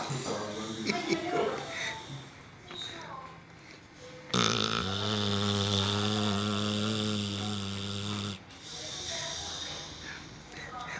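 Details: Sleeping pitbull, said to be stressed after a motorbike ride and sleeping with one eye open: one long, steady, buzzing snore of about four seconds over room noise; snoring.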